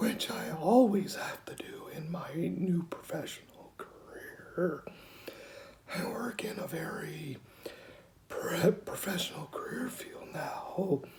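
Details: 49-year-old man with rare mixed adductor/abductor spasmodic dysphonia, diagnosed at 35 (14 years ago), self-described somewhat severe; Botox injections for about four years that do not last long; due for next, a typical day; spasmodic dysphonia (mixed adductor/abductor).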